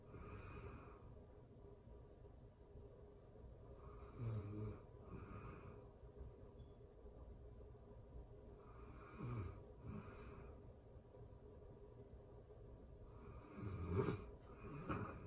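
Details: Real-time recording of a person asleep: soft, low rattling snores at irregular intervals, about three breaths in fifteen seconds, over quiet room hiss; ordinary sleep snoring.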